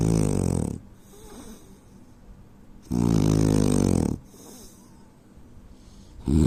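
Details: Indian man snoring in sleep: loud, rattling snores on inhaling, about one every three seconds, with quiet exhales between.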